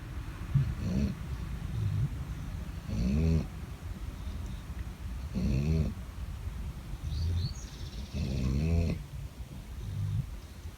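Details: Two sleeping dogs snoring loudly: low, rattling snores about every 2.5 seconds, roughly 24 a minute, with softer breaths between.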